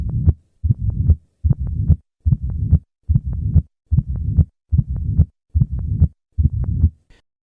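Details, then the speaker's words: Mitral stenosis at an increased heart rate near 90 a minute after the patient does sit-ups: regular low-pitched heartbeats with a rumbling diastolic murmur that grows louder as the rate rises. "The murmur of mital stenosis becomes louder with maneuvers that increase heart rate."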